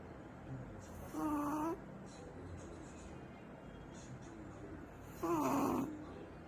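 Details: Puppy snoring while asleep in owner's arms: two squeaky, whistling nasal breath sounds a few seconds apart against room noise.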